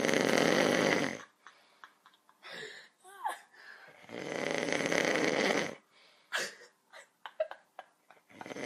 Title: My little brother recorded me snoring my head off